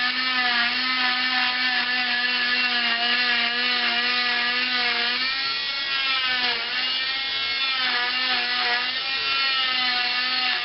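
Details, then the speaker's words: Oscillating cast saw on its high setting cutting off a long arm cast with quick in-and-out motions from end to end, turning at the elbow: a steady high-pitched whine whose pitch dips briefly as the blade meets the cast. "turn the cast saw onto the high setting make quick in-and-out motions from end to end of the cast turning at the elbow watch and listen for the cutting of this"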